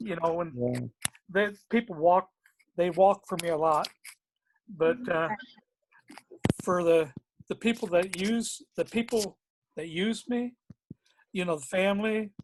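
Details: Man with aphasia who can talk but has difficulty understanding what others say to him; aphasia.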